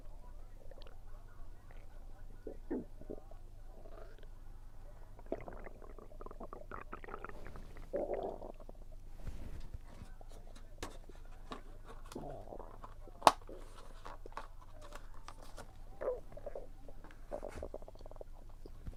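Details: Stomach rumbling during a meal, attributed to low air pressure: low gurgling and rumbling abdominal sounds with occasional chewing clicks; bowel sounds (borborygmi).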